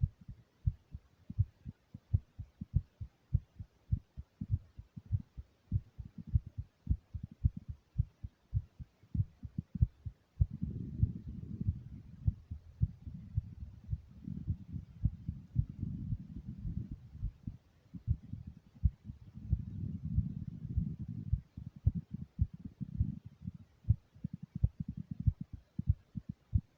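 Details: First heartbeat recording: steady, fairly quick low heart thumps, with stretches of muffled rubbing or handling noise partway through; heart sounds.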